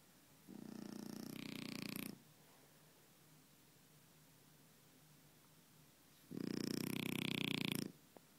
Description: My French bulldog Sophie snoring on the sofa.